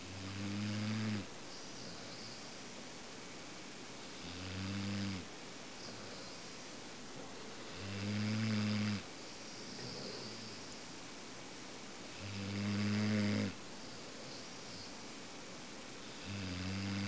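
Deep, loud, rattling snores from a large sleeping dog, about fourteen breaths a minute, each in-breath a long vibrating rumble.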